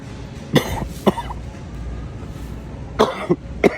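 About five short, harsh coughs in two small clusters over steady room noise; a plain dry cough.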